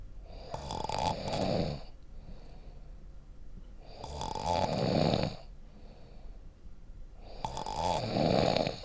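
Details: Sound-effect recording of a person snoring at night: three loud, rattling snores on in-breaths about every 3.5 seconds (roughly 17 a minute), with quiet out-breaths between.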